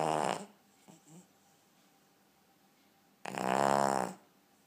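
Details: Snoring from a ten-year-old Cavalier King Charles Spaniel: loud vibrating snores with quiet pauses between breaths.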